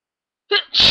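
A brief indrawn breath followed by a sharp, explosive burst of air: a single adult sneeze.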